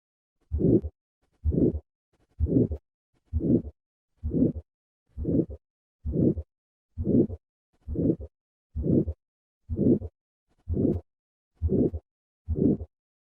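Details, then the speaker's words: Aortic stenosis: regular cycles near 65 a minute, each with a harsh systolic murmur and a soft, faint A2; aortic stenosis with soft A2. "listen first to a patient with a preserved a2 and compare that to a patient with a soft a2 first a preserved a2 and now a soft a2"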